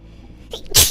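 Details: Streamer sneezing during a live stream; a quiet lead-in, then a single sharp, explosive, hissing burst; one sneeze.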